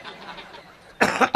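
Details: Adult speaker during a live kirtan performance: after a second of quiet room noise, a short, loud cough burst followed by throat clearing.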